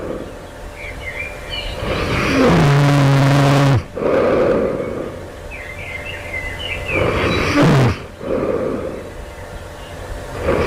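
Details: Loud snoring during the night right before awakening, sleeper wonders whether it indicates developing sleep apnea: two loud, rattling, roaring snores on in-breaths about five seconds apart over steady background noise.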